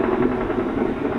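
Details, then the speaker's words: Needle EMG in a research study: steady crackling, ticking static of fibrillation potentials with positive sharp waves after a slight needle repositioning, indicating denervated muscle. "Those got some positive sharp waves there. All I did was just literally move the millimetre or two, because sometimes it's taking position. We'll bring out activity again. Got fibrillation."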